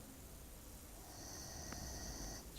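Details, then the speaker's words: Sleeping female dog snoring: soft, low rumbling breath noise over a quiet room hiss; snoring. "Cómo están gente de YouTube estamos aquí con un nuevo video para el canal esta vez de escuchando Regal roncar igan igan igan Cómo ronca mi perra"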